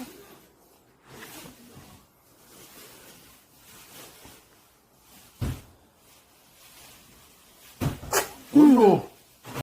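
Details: Sneeze after making eye contact: quiet breathing, then a sharp burst and a loud voiced exclamation ("eoikku") at the end, a single sneeze.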